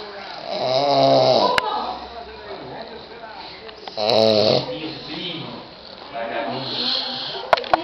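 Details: Adult man, the recorder's father, snoring loudly during sleep with rattling snores on each inhalation, roughly every four seconds, and quieter breathing between; snoring.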